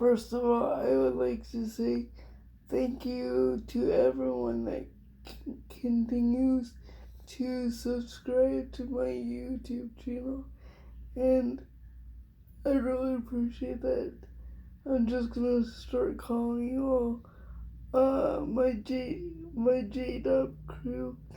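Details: Adult woman with cerebral palsy diagnosed at 6 months old, which she thinks is level 4 or 5; it affects her whole body, including her speech (somewhat) and hands; she also has dystonia; dysarthria (cerebral palsy).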